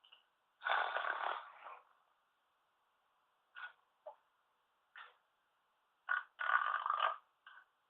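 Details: Person who uses CPAP, recorded sleeping without it: irregular rough snoring with a long, loud rattling breath, short snorts between, then a second loud rattling breath.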